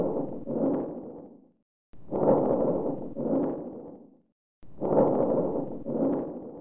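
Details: Educational auscultation recording of harsh vesicular breathing, which the teaching links to bronchitis, compensatory emphysema and tuberculous infiltration: loud, rough breath sounds with long, prominent expiration, about 22 breaths a minute.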